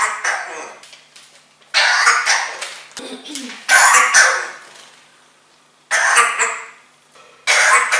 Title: Coughing Parrot - Hustender Papagei